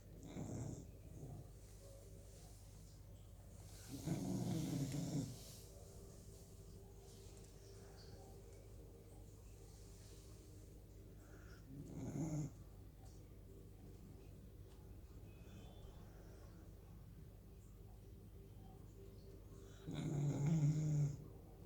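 Low, rumbling snores recur every few seconds over about twenty seconds, with a steady hum between them: snoring during sleep.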